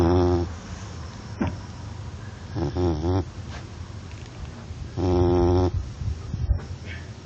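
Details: Sleeping Labrador dog snoring: loud, rattling, vibrating snores with breaths between them.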